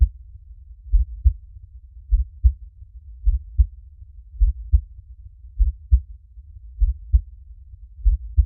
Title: Relaxing Heartbeat Sound - 1HR